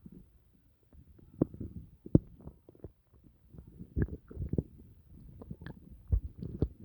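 Irregular low gurgles, squelches and rumbling bursts with quiet gaps between them: ordinary stomach growling after a meal, a normal digestive sound.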